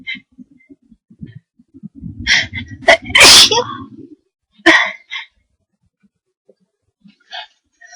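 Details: A person induces a sneeze after a nose tickle all day and thinks they may have caught a cold: a short gasping build-up, a sharp high-pitched sneeze, then a smaller second sneeze.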